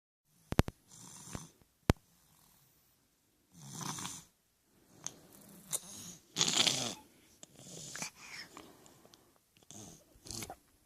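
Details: Snoring during sleep: irregular, rough, rattly breaths with scattered clicks and light handling noise; soft snoring.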